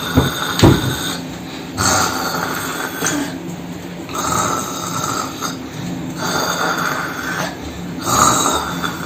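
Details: Staged snoring from a comedy mime short film with no dialogue: repeated rasping snores about every two seconds over room noise.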